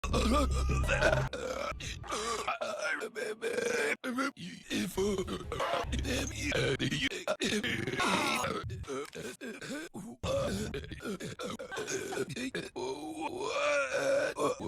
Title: Rick and Morty S1E2-E11 but it's only Rick burping